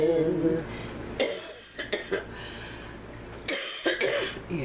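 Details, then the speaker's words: Elderly woman with Alzheimer's, just after singing with her caregiver daughter: two separate clusters of harsh, wet-sounding coughs in a quiet room; repeated productive cough. "Father well ain't that a pretty ending hacking away"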